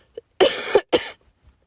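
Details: A cough from an adult with a bad voice, heard while they talk during a crafting chat.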